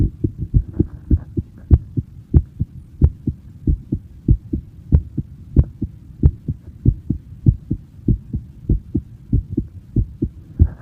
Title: My heartbeat sound (in person)